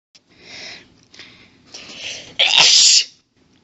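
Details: Woman sneezing while reading aloud; several hitching breathy build-ups, then one loud explosive sneeze in an intense sneezing fit.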